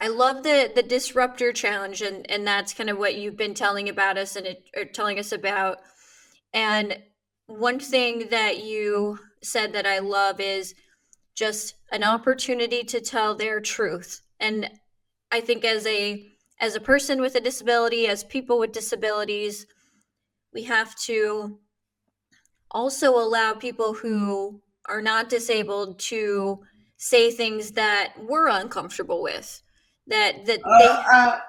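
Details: Adult woman speaking; typical speech.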